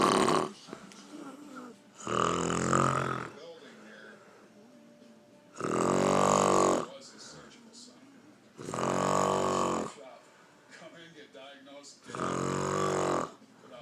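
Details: Adult woman (aunt) snoring after a day of drinking: loud, rough snores on each in-breath, about four in 14 seconds, with quieter breathing between; snoring.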